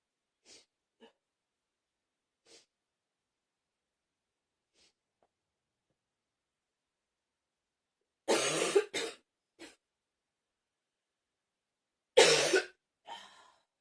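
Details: Repeated coughing with pained "ow" sounds around it: a few faint soft sounds, then two loud, harsh coughs about four seconds apart, each followed by a short, weaker cough.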